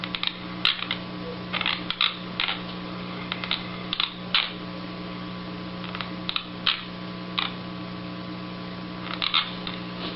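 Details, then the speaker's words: Teeth grinding at night in a stressed person, loud grinding/gnashing described as 10–20 times normal chewing force; sleep bruxism. "Tapi suara gigi dia beradu. Suara giginya beradu pada saat malam. Oleh karena dia stres."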